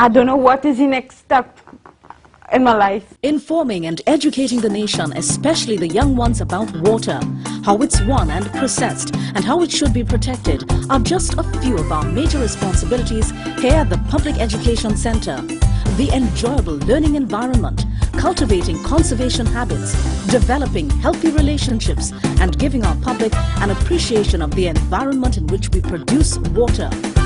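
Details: Adult announcer; typical speech.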